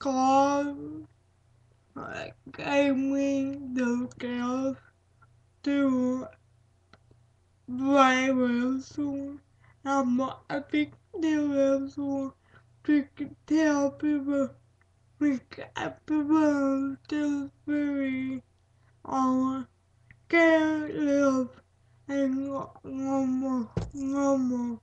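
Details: Dysarthric speech in a female speaker with cerebral palsy.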